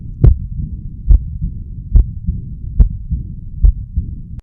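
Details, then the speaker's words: Stethoscope at left lower sternal border, intercostal spaces 3–4: regular heartbeat near 71/min with a soft, steady murmur after systole, a diastolic murmur; aortic regurgitation considered, pulmonic regurgitation also raised. "so as i put my stethoscope at the left lower stomach border around intercostal space three and four i hear a murmur that occurs after the stick moves or after systole it's occurring during diastole"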